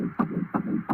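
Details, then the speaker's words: Fetal heartbeat on Doppler ultrasound of an unborn child, played back as a court exhibit: rapid, regular whooshing pulses, about 170 beats a minute. "okay I think we've heard it so the sound we were listening again is what there's a heartbeat"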